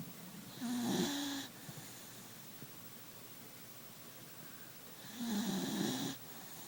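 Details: Sleeping beagle puppy snoring: two rattling, buzzy snores on the in-breath with quiet pauses between; snoring.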